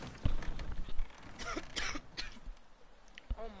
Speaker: my gosh I'm so sorry y'all that that cough is nasty I do not want y'all to hear that